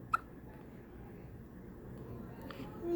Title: Newborn hiccups 👶